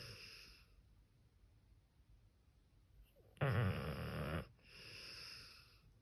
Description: I was working on some #shorts and I saw my #pitbull sleeping next to me and the land seal started snoring.